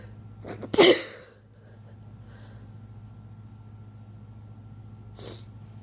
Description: Im getting a cold so was inducing and trying to stifle like a request but some didnt work out.